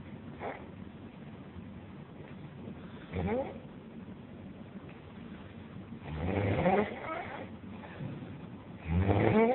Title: Ngorok terbaik ( The best snoring )